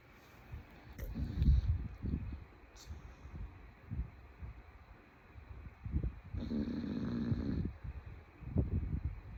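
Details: Bulldog snoring: irregular snorting, grunting breaths with one longer rattling snore, noisy snoring from a flat-faced dog.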